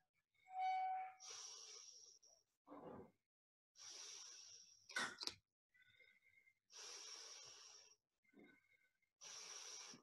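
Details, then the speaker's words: Pediatric asthma inhaler technique demonstration: an inhaler puff into a spacer held in the mouth, then repeated soft hissing breaths with faint valve whistles as normal breaths are taken through the spacer. "this is like a spacer and what this does is when we have it inside the spacer it's in the mouth they're taking breaths"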